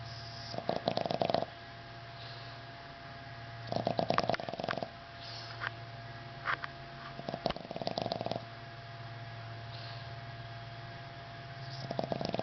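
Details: Boston dog snoring: rattling, fluttery snores recurring every few seconds with snuffly sniffs between them, over a steady room hum.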